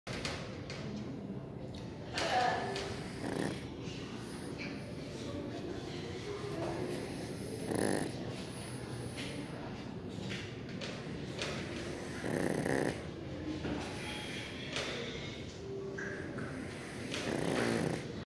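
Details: Sleeping pug, a short-snouted brachycephalic dog, snoring: noisy snorting snore bursts every few seconds over steady room noise.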